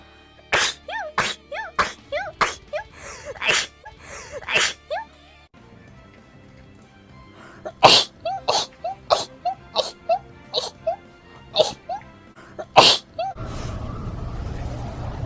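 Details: Compilation of sneezes: about twenty short, sharp sneezes over background music, with a brief pause partway through.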